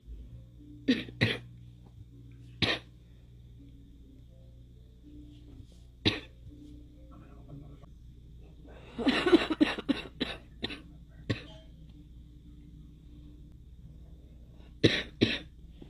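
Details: Girl coughing: repeated short, harsh cough bursts in scattered groups, with faint music and room noise behind.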